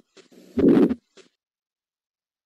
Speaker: and this will be an example of a rough ejection systolic murmur that comes between the first and second heart sound